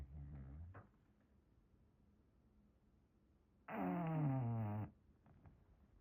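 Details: English bulldog snoring in a blanket: a short low snort, then a loud rattling, buzzy snore lasting about a second, in a quiet room.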